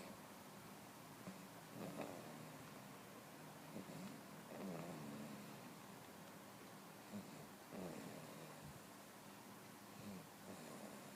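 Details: Snoring at 10 months: soft, irregular breathing noises with a faint rattle on some breaths, about 22 a minute, over a steady background hum; light snoring.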